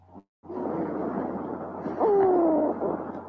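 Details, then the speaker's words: Wheeze, as in asthma with lower-airway narrowing: noisy breath sounds carrying high-pitched, musical, falling whistles, likened to a cat's meow. "é esse som parece um literalmente o miado de gato assim às vezes não negócio bem estranho assim sabe vai ser um som de desespero esse som do sibilante"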